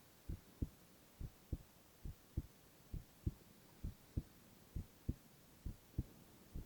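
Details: Male ASMR heart-sound recording with no talking: steady low thumps at about 67 beats a minute, regular rhythm, quiet background; normal heart sounds.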